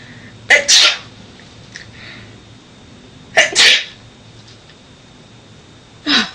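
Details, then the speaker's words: Allergy sneezing: three loud, sharp sneezes a few seconds apart, each a quick intake then an explosive burst, followed by "bless you". "okay I think I need to sneeze hey coer okay um I have to sneeze allergies me his bless you bless you God bless you God bless"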